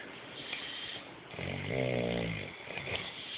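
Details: Snoring recorded in Honduras in 2011: one loud, vibrating snore on breathing in, between quieter noisy breaths, in a small room.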